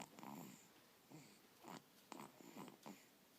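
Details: Sleeping dog snoring: irregular snorting, rumbling breaths, about five in three seconds.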